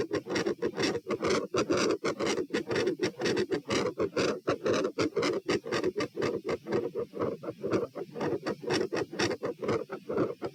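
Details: Stress-test heart auscultation at position P, across lying, sitting, standing and bobbing at 78–138 bpm: rapid, very loud, harsh beats about 120/min with an S2 murmur and abrupt intensity change. Sounds were unusually loud supine.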